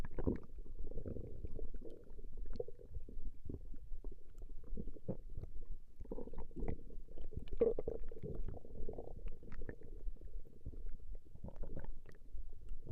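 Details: Recorded stomach growling: continuous low gurgling and bubbling rumbles with irregular pops, ordinary bowel sounds (borborygmi).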